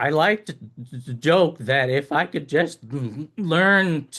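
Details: Acquired stuttering in an adult man with long COVID, attributed by him to COVID; throat spasms interfere with talking, and the stammer worsens and eases with the spasm cycle, worse when tired or overstimulated.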